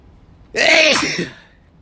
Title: Variety Sneezes